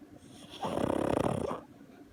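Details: A single loud, rattling snore on the in-breath, under a second, over quiet room noise, from a pug asleep on a lap.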